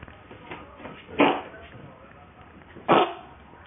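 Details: Cat coughing: two short, sharp, hacking bursts over a noisy room. The owner notes cat coughs are unusual and wonders whether it signals illness.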